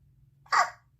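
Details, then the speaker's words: A baby with hiccups right after feeding and spitting up: a single short, sharp, voiced catch over quiet room hum, typical of a hiccup. "My baby is having hiccups. Poor baby."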